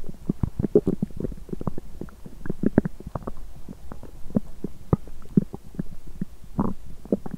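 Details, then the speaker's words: Belly sounds on an empty stomach after exercise, which caused nausea; dried apricots not yet eaten: frequent, fairly loud, irregular low gurgles, pops and rumbling squeaks, active bowel sounds (borborygmi). "Âm thanh réo rắt của dạ dày tôi tiếp tục một lúc ♪ Nếu bạn thích, xin vui lòng xem cho đến khi kết thúc 💗 ♪ Đó là một âm thanh đói tốt!"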